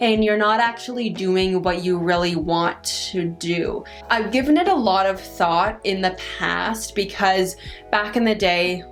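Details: Adult woman who stutters; she says her stutter varies with her stress and anxiety in the moment; stuttering.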